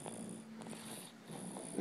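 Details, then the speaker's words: 2-month-old boy snoring in sleep: soft, purring, nasal snoring breaths with a faint squeak at the end; caregiver asks whether it is normal. "Somebody's snoring. This boy don't play. Is that even normal? I swear"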